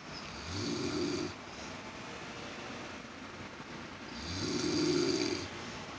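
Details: Elderly woman (grandmother) snoring: two soft, buzzing snores over steady background hum, possibly an air conditioner; poor-quality recording.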